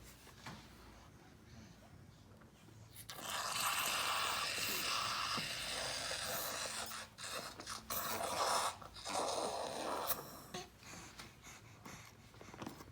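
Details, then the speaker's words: Nasal suctioning of a congested infant using saline and a NeilMed aspirator: loud rushing, bubbly suction noise with snorting bursts as saline and mucus are drawn out. "All right, so I put saline in one there, and I put the NeilMed aspirator in the other, and I have it pinched already. So I squirt, as soon as I squirt, I suck."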